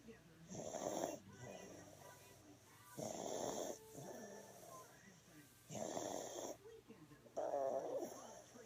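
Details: Sick baby girl with a bad cough, asleep on a person's chest: rough, rattling snores with each breath over quiet room noise; snoring.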